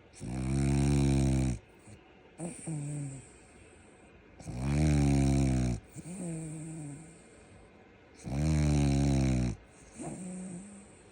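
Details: Snoring French Bulldog: loud, deep, buzzing snores on each in-breath with softer whistling out-breaths, about 15 breaths a minute.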